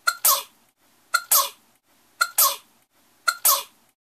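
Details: Sneezing: four identical sneezes about a second apart, each a sharp intake followed by a loud burst, apparently one sneeze repeated.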